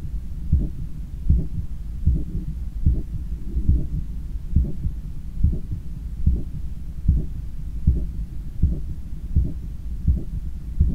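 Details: Own heart recorded by stethoscope while lying on a daybed, leaning on the left side, controlling breathing after a 10 km run: strong, regular beats at about 78/min over steady low rumbling; forceful normal heart sounds after exercise.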